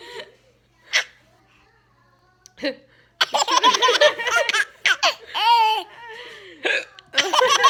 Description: I got the hiccups and my baby thought it was hilarious!